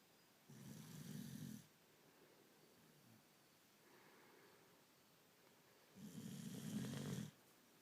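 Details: Small dog sleeping on his back, with two low, rattling snores on the in-breath about five seconds apart and softer breathing between; snoring.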